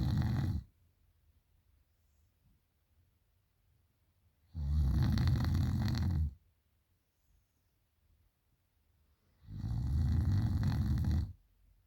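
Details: Female sleeper snoring heavily at night: three loud, rough, rumbling snores about five seconds apart, with quiet pauses between them.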